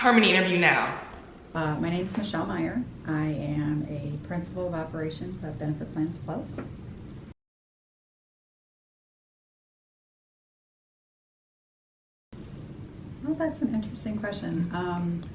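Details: Adult woman speaking; normal fluent speech.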